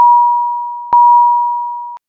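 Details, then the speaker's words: High priority alarm on a HeartStart Intrepid monitor/defibrillator, warning of a life-threatening condition such as asystole or ventricular fibrillation that needs immediate response: steady loud beeping in repeated long pulses, shown with a red message. "a high priority alarm warns of a life-threatening condition such as asystole or ventricular fibrillation and requires an immediate response the alarm message displays with a red background and sounds like this"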